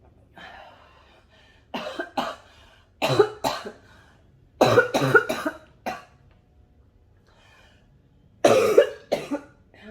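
Repeated bouts of two or three harsh, chesty coughs with pauses between. A smoker's cough.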